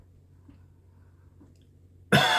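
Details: Adult with chronic cough and wheezing, suspected acid reflux after an ENT scope showed redness at the top of the esophagus; after quiet room noise, one sudden, forceful cough cut off at the end, triggered by talking.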